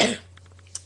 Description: I didn't want to cough during the video but I'm too lazy to rerecord it so sorry!!